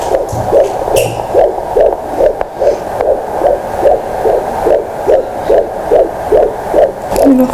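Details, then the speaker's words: Fetal heart tones on a handheld Doppler at a midwife visit, 16 weeks pregnant, fundal height 17 cm: rapid, regular whooshing pulses about 146 a minute, a normal fetal heartbeat. "Oma beebi südamelöke on alati tore kuulata."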